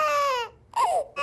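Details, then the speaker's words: Hungry baby gives a high, falling wail, a pause, then another rising cry burst, detected by sound-recognition software; infant cry. "So you can see on the screen is detecting the baby cry."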